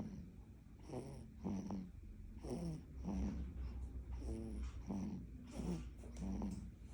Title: 2025.03.16 코골이